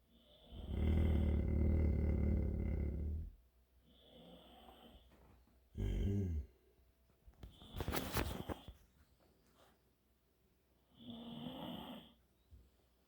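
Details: One dog snoring while another growls: deep rumbling noises mixed with softer snoring breaths and a brief rustling burst in a quiet room.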